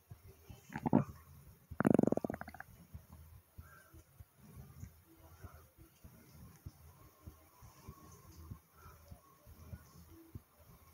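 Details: Self-recorded stomach rumbling, recorded along with the person's heartbeat and breathing: two loud gurgling rumbles early on, then faint irregular low pops and clicks; ordinary bowel sounds.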